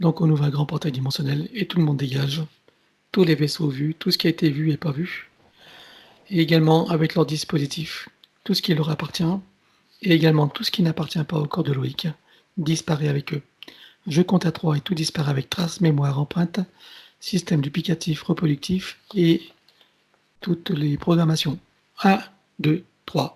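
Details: Adult male speaker; plain speech.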